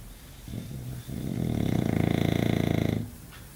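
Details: English bulldog sleeping: one long, loud, rattling snore with a fast flutter, grunting like a pig; snoring.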